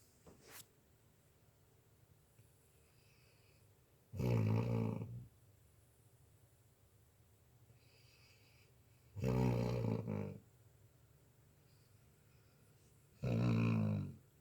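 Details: Three loud, low, rattling snores about 4 to 5 seconds apart, roughly 12 a minute, with quiet breathing between them, from a sleeping subject; snoring.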